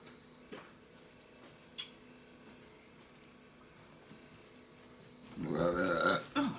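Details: Single loud, drawn-out burp while eating blue crabs in an ASMR eating recording, with faint eating clicks in a quiet room.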